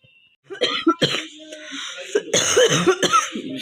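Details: Repeated harsh coughing bursts in quick succession with some throat-clearing in a small room, from a woman with a real cough from a cold that is now easing.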